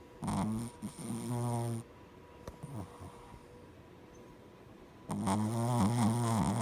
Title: Oreo was snoring so funny 😂